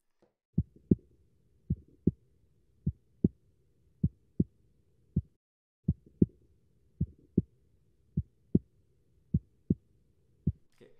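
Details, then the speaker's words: Simulated normal first and second heart sounds made by tapping the back of a hand holding the stethoscope: steady paired low lub-dub thumps at about 52 a minute. "and if you don't believe me that this is s1 and s2 you put them now into your ears and after that you put them on your chest and you will literally hear exactly the"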